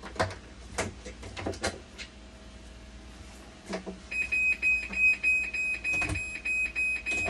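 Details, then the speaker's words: Dialysis machine run to reproduce a fault, with clicks and handling noise, then a rapid, pulsing high-pitched electronic alarm; flow error 1 shown, debug flags bulb 1 reading 0, and the technician suspects a faulty bulb 25: flow error alarm. "Papatakbo ko muna to. Lagi kong ginagawa, pinapatakbo ko muna. Gusto kong makita yung flow error niya."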